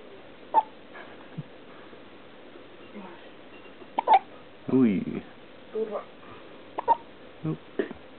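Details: Hiccups from a 6-day-old infant: brief, sharp, spaced catches, several over eight seconds, with soft babyish sounds between.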